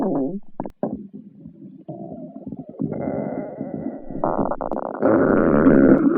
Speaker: hello boys and girls listen to the sound of my stomach growling